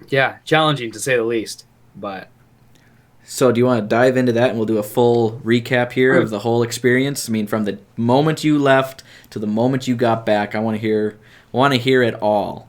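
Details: Adult male speaker; normal speech.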